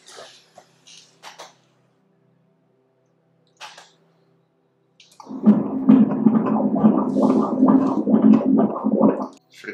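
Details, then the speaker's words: Fetal heartbeat on Doppler during a fetal echocardiogram at 25 weeks of pregnancy: a few faint clicks, then rapid regular whooshing pulses at 148 beats per minute, a normal fetal heart rate. "tere o te ngakau kei te 148 (pao ia meneti). Koinei te tatūkē mo te ngakau."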